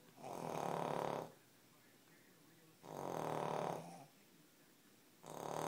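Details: Cavalier King Charles spaniels snoring: slow, even rasping snores about two seconds apart, with quiet pauses between them.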